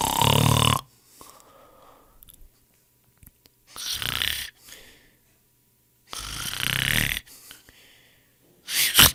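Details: Loud rattling snores on inspiration, separated by quiet pauses, from a sound-effect collection of people snoring; snoring.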